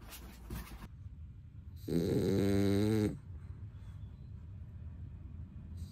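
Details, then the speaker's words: Sleeping dog gives a single loud rumbling snore lasting about a second against quiet room noise; owner says the dog snores even when not asleep: snoring. "人々は、なぜ私のビデオにいつも大きないびき音がするのかと私に尋ね続けます.これはまだ本当ですか?私たちの犬は、寝ていないときにいびきをかきます."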